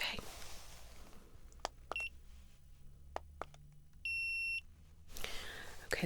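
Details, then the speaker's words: Simulated ASMR roleplay pre-op assessment before left shoulder rotator cuff repair: soft clicks and handling, then a clear electronic thermometer beep during a vitals temperature check; faint room hum. "Just going to check your temperature, okay?"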